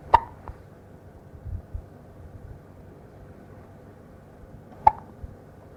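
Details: Hiccups in a 2-week-old infant girl, who also hiccuped often in the womb: two sharp, brief hiccup clicks about five seconds apart with faint softer sounds between, quiet room.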